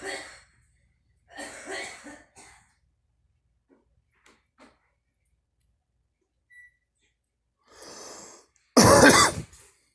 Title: girl coughing and me